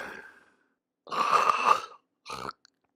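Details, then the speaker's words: Agonal breathing in an unresponsive, unconscious person: two harsh, groaning gasps with laboured vocalizations and pauses; ineffective brainstem-driven gasping as the brain is starved of oxygen, not snoring. "The breathing is characterized by abnormal gasping breaths accompanied by labored vocalizations, as can be heard here."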